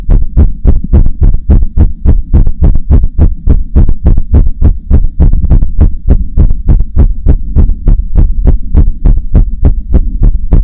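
Fast, strong, regular heartbeat thumps, roughly 200 a minute as counted, a rapid rate.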